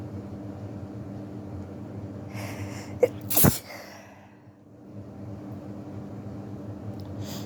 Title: I have a flu right now so these are flu sneezes 😷🤒🤧